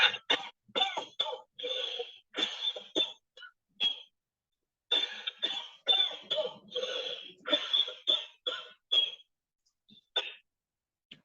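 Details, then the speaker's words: Dry cough, possibly a child's: two runs of short, sharp, harsh coughs with no rattle or gurgle. "entonces ahora vamos a escuchar los ruidos de una tos seca"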